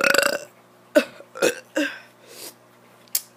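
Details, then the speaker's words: A child burping on purpose: one voiced burp, then three shorter burps and a faint fourth, in a quiet room. "ladies and gentlemen youtube what is up today i'm gonna be doing kid doing burps uh 27 or 28."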